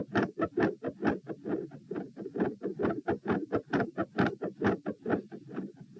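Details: Heart sounds at position P while standing, reproducing feeling unwell and faint after 5-10 minutes standing; tachycardia at 132 bpm with third heart sound, fixed split S2 and murmur, changing patterns, silent halfway then resuming increasingly louder.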